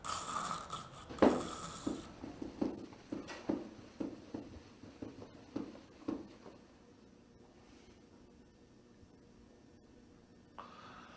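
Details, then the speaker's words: Unconscious victim gasping: irregular, noisy, snoring-like gasps for air that fade into silence; agonal breathing, not effective breathing. "In sommige gevallen zal een bewusteloos slachtoffer luidruchtig naar lucht lijken te happen. Dit verschijnsel noemt men gaspen."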